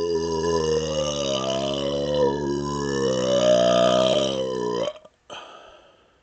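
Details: A long, drawn-out voiced belch of about five seconds, a deliberate smoky burp, ending in quiet room noise.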